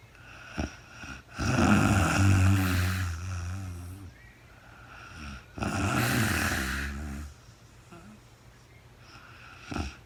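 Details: Real-time recording of a woman sleeping overnight after being very tired, no talking: two long, low, rattling snores on the in-breath, several seconds each, with quiet pauses between, in a quiet room. Snoring.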